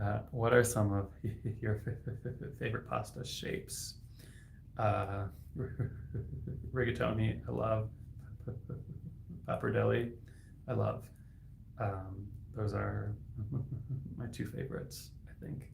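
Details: Adult man who stutters, a licensed speech-language pathologist, with sound and word repetitions and blocks; stuttering.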